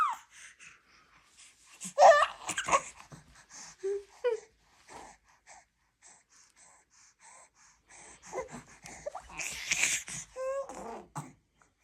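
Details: A few harsh, breathy cough bursts from a mother genuinely coughing, with brief infant vocal sounds and breathing between them as her baby reacts.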